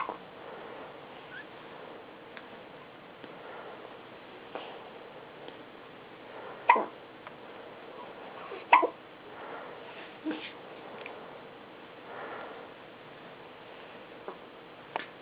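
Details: Baby hiccupping in a pram: brief, sharp gulping sounds recurring every few seconds, about six in fifteen seconds; hiccups.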